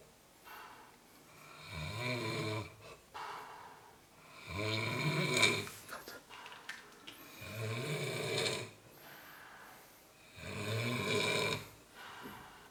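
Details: Snoring during sleep: loud rattling snores on each in-breath, about four in twelve seconds, with quiet out-breaths between.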